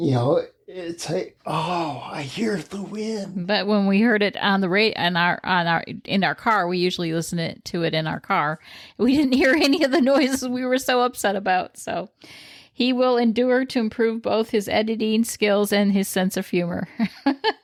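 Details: Adult speaker; ordinary speech.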